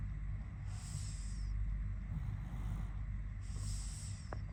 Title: When She Snores 😴